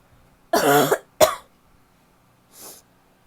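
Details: Barking cough from a woman: two loud, harsh, voiced coughs with a barking quality, followed by a quieter breath in.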